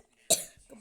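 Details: An adult gives a single sharp, explosive cough with a brief trailing exhale in a small quiet room while complaining of having a cough.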